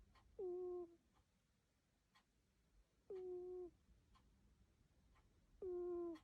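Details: A sleeping cat snores gently in a quiet room, with soft, whistly squeaks on each breath at about 22 breaths a minute.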